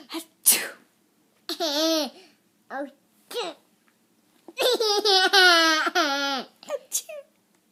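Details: Several short voiced 'ah-choo'-like fake sneezes, one drawn out, with laughter; someone says bless you; imitated, not real sneezing.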